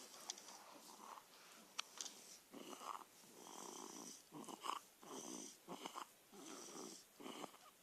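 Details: Rapid, regular, wheezy snoring with short fluttering hisses, about eight in eight seconds.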